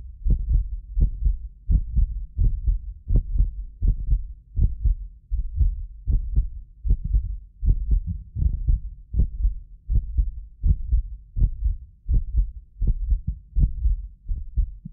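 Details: Heartbeat of a medically fit person recorded with several precision contact microphones: regular lub-dub near 82 a minute; occasional double clicks are a ~6 ms multi-microphone delay artifact, not heart disease. Normal heart sounds.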